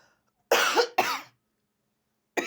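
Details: Adult woman with a persistent, lingering cough: two harsh cough bursts close together, then silence.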